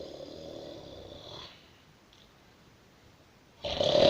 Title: Kasboi Kraztivity 2. Snoring